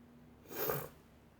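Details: A single sharp sneeze in a quiet room after the person says it's really tickling and their eyes are watering, followed by relieved exhalations.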